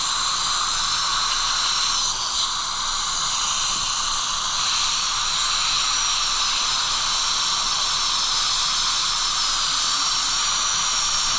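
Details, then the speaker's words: Class 5 gumline restorations on crowned teeth 4 and 5 with abfraction from historical grinding, no decay: steady high-pitched whine and hiss of a high-speed drill, coarse diamond bur roughening the tooth for micromechanical retention. Dental drill. "There's not really decay here, but I am going to create a little bit of micro mechanical retention. with the coarse diamond. Freshen up the dent just a little bit."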